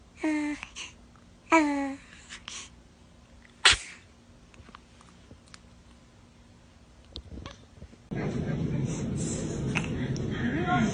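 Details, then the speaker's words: Baby sneezing: small, high squeaks, then one sharp, brief sneeze burst, followed by quiet and later room noise. "Oh, goodness. Were you about to sneeze?"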